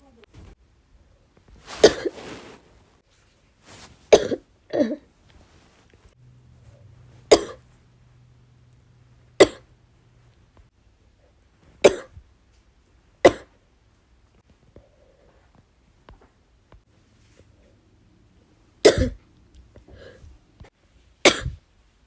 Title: bronchitis cough 2 (f)